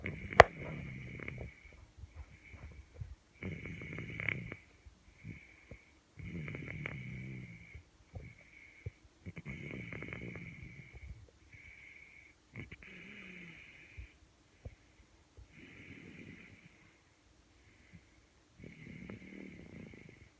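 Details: Rhythmic low rattling snores, one with each in-breath, roughly every three seconds, over a steady faint background hum; snoring.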